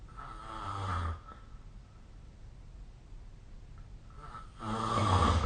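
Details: Ordinary snoring during sleep: two loud, rough, rattling snores on breathing in, separated by a quiet pause of about three seconds.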